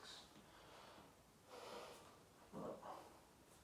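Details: Several short, breathy nasal bursts in a quiet room, the loudest two near the end, fitting snorting, during an at-home chiropractic muscle-testing assessment of an adult woman who does regular HIIT classes.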